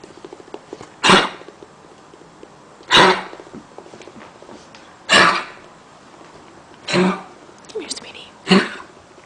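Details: Dog with chronic cough: five short, harsh coughs spaced a couple of seconds apart; chronic cough.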